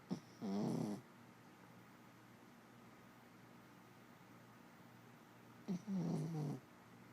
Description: My adorable and lovable jack russell, Laci, snoring.